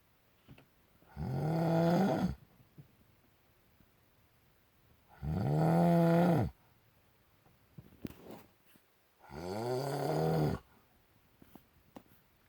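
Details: Three loud, rattling snores on the in-breath, about 15 a minute, with quiet pauses between, from a sleeping husband whose loud snoring keeps his wife awake.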